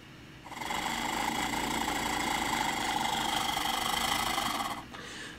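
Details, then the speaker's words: Acapella oscillating positive expiratory pressure device demonstrated: a steady buzzing rumble for about four seconds during one long exhalation through it, vibrating the air column down into the lungs to loosen mucus, like a faster huff cough. "you can hear that kind of Rumble that vibration in there does a lot of the the kind of thing of huff coughing except it's obviously a lot faster and again vibrates that column of air all the way back down into your lungs and literally shakes lose some of that mucus"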